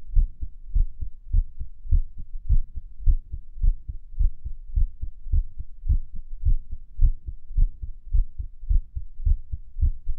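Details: Own heart recorded at Erb's point while lying on the stomach and listening to favourite music: heart sounds at about 107 a minute with uneven spacing between some beats, an irregular heartbeat.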